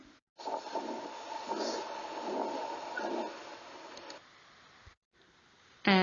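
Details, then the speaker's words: Abnormal heart sound recording from a heart sound dataset: muffled heartbeats with higher frequencies and rough, continuous whooshing noise filling the gaps between beats, an abnormal heart with murmur-like noise. "the abnormal heart seems to hurt higher frequencies and noise like Walter in between beats"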